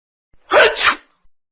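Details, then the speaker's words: A single loud, acted two-part sneeze by the cartoon character Mr. Sneeze in a children's story, where everyone in a snowy land sneezes; a performed sneeze. "I hate this sneezing."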